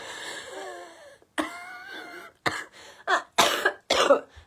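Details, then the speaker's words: An adult woman who reports a terrible cough and a wheezy chest: a wheezy, whistling breath followed by about four rough, chesty coughs. A productive-sounding cough with wheeze. "Oh, did you hear my wheezy chest then?"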